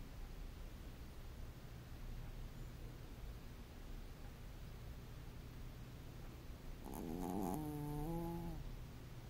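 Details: Sleeping pet snoring with soft, low rumbling breath noise throughout and a brief high whining sound near the end.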